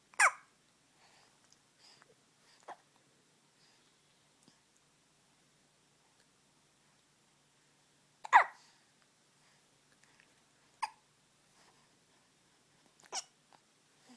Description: Morning hiccups.